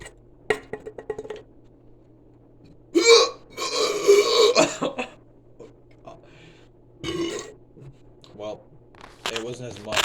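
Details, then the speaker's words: Person attempting to chug Sprite without burping: several drawn-out, rumbling voiced belches among short bits of talk in a quiet room; burping. "yeah this is my third attempt at um chugging Sprite without burping"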